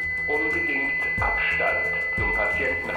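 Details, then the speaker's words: Automated external defibrillator analysing heart rhythm and advising a shock, then a steady high-pitched alert tone as it charges before the shock button is pressed, with faint voice prompts ("do not touch the patient") and music; instructional demonstration. "das Gerät sagt Ihnen Schritt für Schritt was Sie tun müssen analysiert den herzryhythmus nach der Patient nicht berühren Herzrythmus wird analysiert Schock empfohlen"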